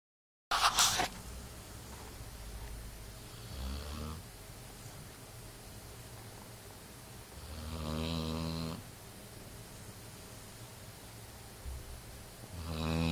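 Slow, rumbling snores about every four seconds, about 15 breaths a minute, after a brief knock at the start: a dog snoring while asleep.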